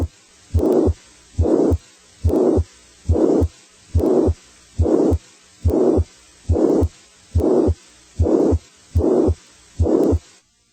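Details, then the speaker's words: Pansystolic murmur of mitral regurgitation: regular heartbeat near 70 a minute with a blowing murmur starting at S1 and continuing to S2 with no gap between murmur and heart sounds. "a pansystolic murmur is heard with my four Gurjit ation starts with s1 and stops at s2 without a gap between murmur and heart sounds"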